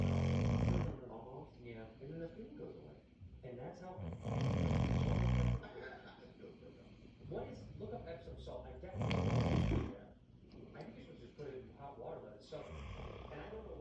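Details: Man snoring after a long, hard day at work: loud, deep, rattling snores alternating with quieter breathing, with talk audible in the background.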